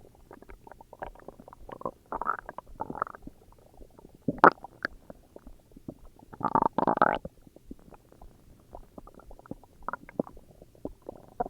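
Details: Self-recorded stomach growls: squeaky gurgles and longer rumbling growls in bursts; ordinary borborygmi.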